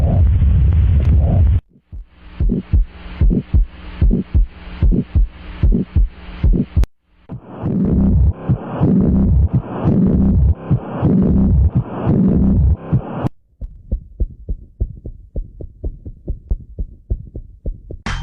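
Rhythmic whooshing heart pulses across three segments, with flow noise between beats consistent with a murmur.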